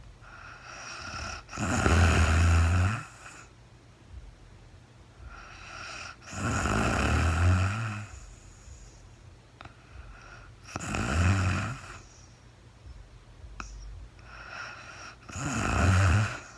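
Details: Real-time overnight recording of a woman sleeping, part of a four-hour recording, no talking: four rumbling, fluttering snores on each in-breath, about 13 breaths a minute, with quiet exhales between; snoring during sleep.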